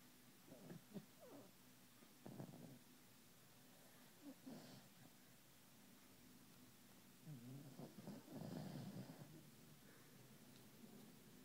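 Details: Sleeping dog: soft, irregular, low rumbling snorts, with a longer rattly stretch near the end; snoring.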